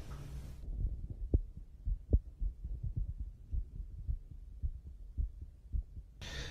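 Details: Soft, steady, slightly fast low heart thumps with no extra sounds, from a young athlete at a pre-competition sports checkup, nervous and a bit accelerated, at rest before exercise; doctor finds no problems; normal heart sounds at rest.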